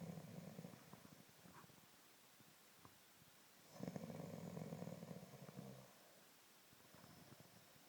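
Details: Man asleep alongside dogs, snoring softly with low, fluttering, drawn-out breaths and a faint rattle on each; he reportedly denies that he snores; snoring.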